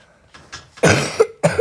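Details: Cough from a child who says they are sick: two sharp, harsh coughs after faint room sounds, the first followed by a short throaty tail.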